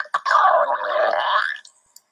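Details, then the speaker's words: Phone recording of a sound that repeats every 10–15 seconds: a single bubbly, gurgling rumble of about 1.5 seconds. The person had wondered whether it was a digestive noise; labelled stomach gurgling (borborygmus). "So it goes like every maybe 10, 15 seconds. So here it comes again, probably. And it makes that same sound over and over and over again."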